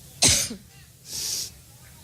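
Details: A woman coughing while speaking at a Cleveland rally, which she attributes to an allergic reaction: a single harsh cough burst and then a breathy hiss of air, part of a prolonged coughing fit.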